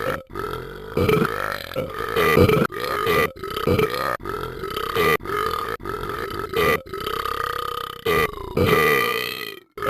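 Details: Long run of about a dozen voiced, croaking belches in quick succession with brief pauses, from the animated character Talking Ben; repeated burping.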